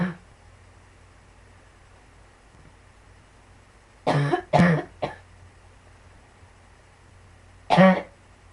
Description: i am coughing like crazy!! i have sarciodosis in my lungs which makes me cough like this...ugh